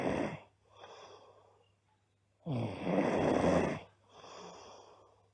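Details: Two loud, rattling snores on the in-breath, each followed by a softer out-breath, from a sleeping girl; loud snoring during sleep.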